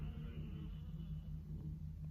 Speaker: Don't know if you can hear that, my stomach just rumbled. Don't know if you heard it, but it did. And if you did, I apologise. I'm hungry, I've not had my tea yet.